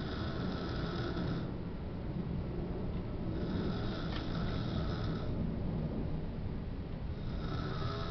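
Low, rough rumbling sleep breathing with roughly regular rhythmic noisy phases, consistent with snoring, over steady background noise.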